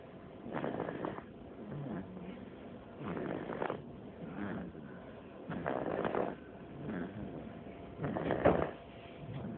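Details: A baby snoring: soft, rough snoring breaths about every two and a half seconds, fairly muffled in a noisy recording, hard to hear.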